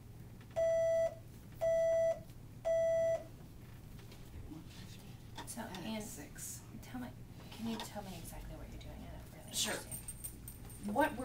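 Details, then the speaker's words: Cochlear implant activation in an 8-year-old girl with hearing loss diagnosed at 15 months: three short, steady, evenly spaced mid-pitched beeps measuring T levels (softest detections) across electrodes, spot-checked high to low, then quiet room sounds. "doing is measuring what are called t levels and the tea levels um help set the soft levels for the implant and so what we're doing now is just looking at what are her softest detections of this information on various electrodes"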